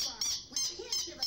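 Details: 7-year-old boy with a swallowed toy whistle lodged in his airway: high, squeaky, duck-like whistles with each breath; whistling breath from the swallowed whistle.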